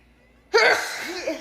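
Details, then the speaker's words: Sneeze from an adult woman during an allergy attack: a single sudden, forceful sneeze followed by a brief voiced trailing sound. "Y me fui a hacer el examen de la vista y también empecé a estornudar como loca."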